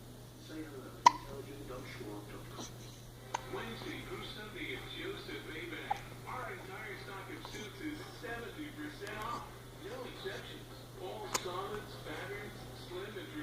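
A few sharp, abrupt gulping clicks spaced several seconds apart over background talk and television. These are hiccups.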